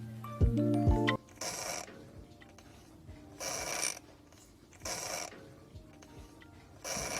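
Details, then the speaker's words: Cat with noisy breathing since kittenhood, eating and drinking normally: rough creaking, door-squeak-like noise on each breath as air seems to hit obstruction; upper airway stertor. "dikkatli dinlediğinizde kapı gıcırtısı gibi ses geliyor sanki Soluk alıp verirken hava bir yerlere çarpıyor gibi"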